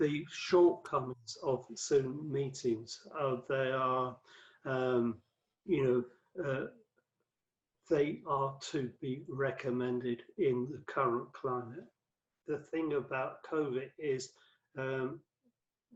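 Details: Adult male with aphasia after a massive 2013 stroke that left him paralysed and speechless for about three months; five strokes (2007–2015) from cerebral amyloid angiopathy; affects word fluency and word finding, worse with tiredness or stress; aphasia.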